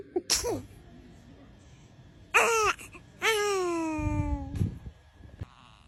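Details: Infant: a single sharp, breathy sneeze followed by a few short fussy cries; baby sneeze.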